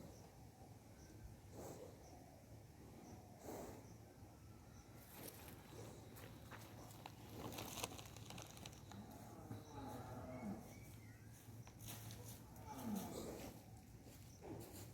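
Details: Nasal breathing of a sleeping young bull resting while sitting: soft, irregular snorting puffs of breath through the nose, a normal resting sound.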